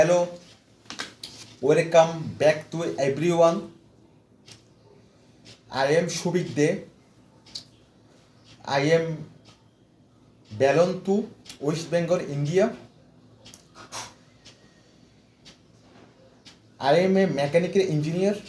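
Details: Residual stuttering in an adult man from India with severe stammering since childhood, after 4 weeks of fluency training; pauses and repetitions may be present.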